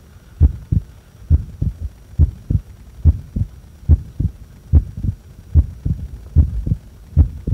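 Clear, regular lub-dub heartbeat at about 70 beats a minute with the breath held, no breath noise.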